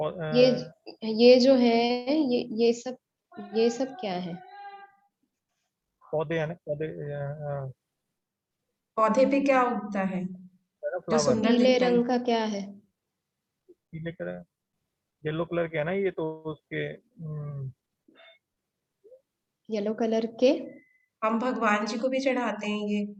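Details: Adult man in an online aphasia conversation-practice class with a speech-language pathologist, doing a timed picture description; therapist notes he rushes to finish and has difficulty recalling words; aphasia (word-finding difficulty).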